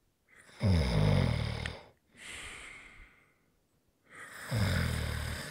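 Loud, rattling inhaled snores with a softer hissing breath out between them: snoring during sleep.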